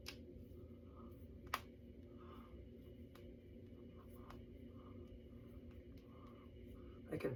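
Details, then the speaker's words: Person deliberately cracking their fingers and knuckles: several small, faint pops from finger joints over quiet room noise; ordinary knuckle cracking. "can feel my fingers and knuckles now because I'm cracking them. I can feel them."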